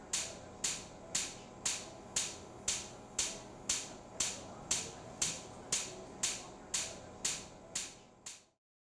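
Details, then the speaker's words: Extracorporeal shock wave lithotripsy for an upper urinary tract kidney stone, patient under spinal anesthesia: regular sharp pops, about 120 a minute, each with a short ringing tail, as shock waves fire. "these will be generated at about 120 a minute and that's the popping that you can hear right now this is painful for patients if they are awake"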